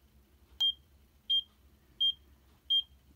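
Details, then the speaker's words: Four short, clear electronic beeps at a steady pace of about 86 a minute from a Checkme Pro portable ECG device recording with external cable leads; result was regular ECG rhythm. "so right now it's doing a live shot of your ecg let's press this button down here and it's going to record it and it gives you an answer"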